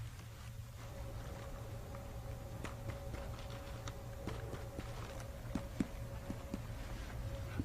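A series of light finger taps moving down the right chest, from hollow lung resonance toward the duller note over the liver's upper border.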